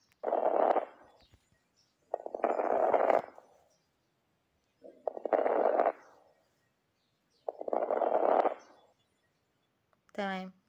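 Four breaths with brief, soft, high-pitched crackles scattered through them: fine crackles, from small airways snapping open.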